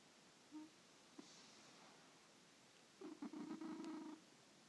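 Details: Male cat snoring during sleep: one rough, fluttering low rattle lasting about a second, after a faint brief squeak.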